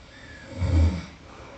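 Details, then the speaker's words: A single soft, low rumbling snore lasting about half a second during sleep, from a woman's overnight sleep-sound recording; she wonders whether her airway is clogged. "so the snoring you can hear was like you know this kind of variation it's not like that horrible like man snore"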